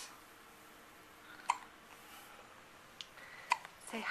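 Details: Infant hiccups, recorded in 2009 on a Flip Video camcorder while the mother talks: a few soft, sharp hiccup clicks about two seconds apart in a quiet room.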